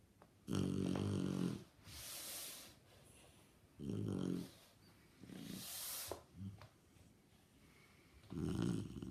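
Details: Sleeping Shar Pei dog snoring: irregular rumbling snores on inhaling, with softer breathy exhales and a snort; snoring.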